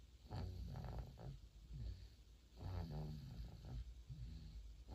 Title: 4개월 아기 코고는 소리 모음, Compilation of 4-month-old baby snoring #아기, #baby, #4개월, #cute, #코골이, #snoring